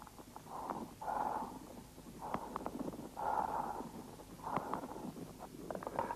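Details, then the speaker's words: Harsh, hollow, tubular breath sounds with loud expiration: bronchial breathing heard over an inflamed, consolidated lung lobe, from a 1979 educational film on lung auscultation. "при воспалительном уплотнение доли легкого выслушивается бронхиальное дыхание"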